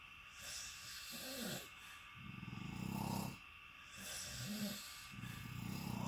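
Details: Two friends sharing a hotel room both snoring during sleep: irregular rattling, snorting snores of varying pitch over a steady room hum, about 40 sounds a minute.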